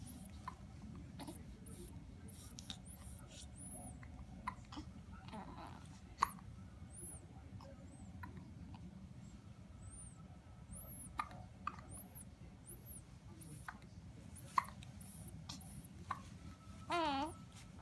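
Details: Twin young children in a battle of hiccups: repeated short, sharp catch-like bursts against quiet room noise, with occasional high, squeaky vocal sounds.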